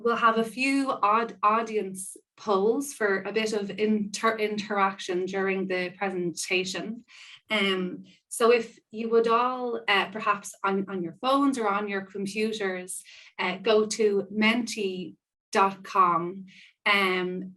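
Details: Stammering in an adult woman who describes herself as a person who stammers and acknowledges stammering while speaking; real spontaneous speech.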